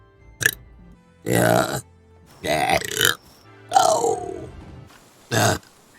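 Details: Burping from a vtuber's stream compilation: several loud, drawn-out guttural belches with music in the background.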